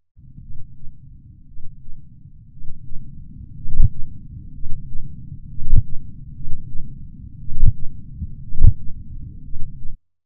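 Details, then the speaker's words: Blood-pressure measurement training, stethoscope over brachial artery, cuff inflated 30 mmHg above estimated systolic then deflated 2–3 mmHg/s: soft tapping Korotkoff sounds over low rumble, about one a second. "mở van ra chậm xả hơi với tốc độ 2 đến 3 mm thủy ngân trên giây khi áp suất hạ xuống sẽ nghe được các tiếng động có rốc"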